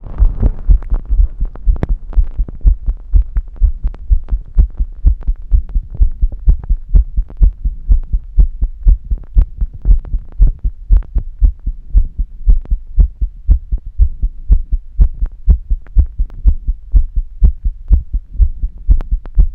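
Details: Adult female heartbeat: steady, regular low thumping with a faint low hum beneath.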